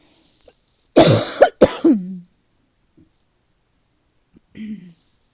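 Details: Cough attributed to seasonal weather change, person not otherwise sick: three short, loud cough bursts in quick succession, then a softer throat-clearing sound; mild cough.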